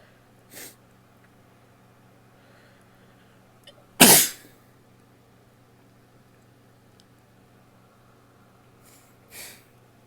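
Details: Three sneezes in a quiet room, one loud and two softer, each a sharp burst of air; the sneezer is marked (f), possibly female.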